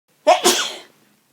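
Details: A single brief sneeze, heard as a quick catch of breath and then an explosive burst that fades within a second. A funny-sounding sneeze.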